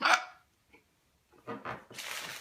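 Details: Female patient after oral surgery that went into the jaw bone, with swollen lips: a single sharp gulping hiccup, then quiet and muffled noises in a small room; hiccups.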